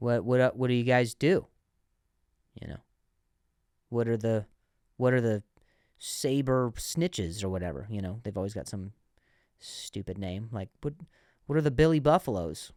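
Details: Adult man who says he stuttered and still sometimes stutters, less than before, and has worked with a speech therapist; stuttering.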